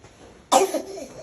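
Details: A child's single abrupt cough burst after a quiet lead-in, with a brief trailing vocal tail, in a small indoor room; a parent then comforts him and offers water.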